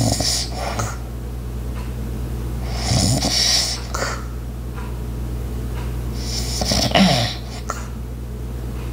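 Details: Light snoring, two soft rattly breaths about four seconds apart (roughly 15 a minute), with background household sounds such as an ice maker, a clock and footsteps over a steady hum.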